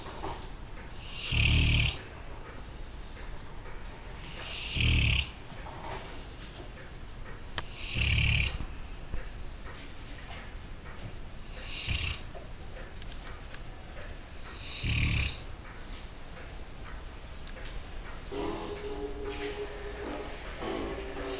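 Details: Sleeping English Mastiff dog snoring: loud, rhythmic snores, about one every three seconds.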